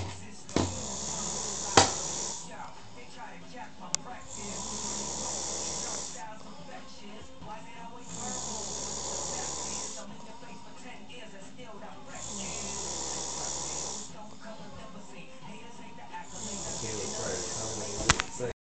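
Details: Loud, hissing snores repeating roughly every 5 seconds, with a few sharp clicks in the background; snoring.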